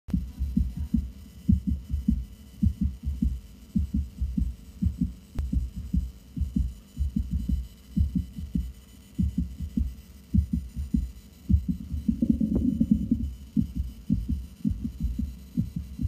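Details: Cavalier King Charles Spaniel sitting patiently on the exam table; Bluetooth stethoscope at the heart apex, 5th intercostal space over the mitral valve; rapid, regular, low heart thumps: canine heart sounds.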